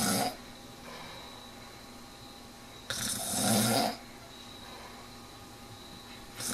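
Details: A sleeping man, recorded 21 October 2001, snores rhythmically on each in-breath with quiet pauses between: ordinary snoring.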